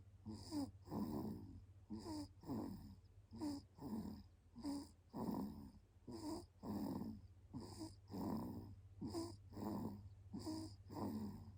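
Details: A 36-day-old baby sleeping deeply on the father's belly at night, after being awake during the day. Soft, regular snoring breaths at about 40 a minute: normal infant snoring.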